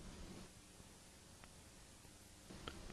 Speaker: you will hear a list of 10 words that will simulate a common high frequency hearing loss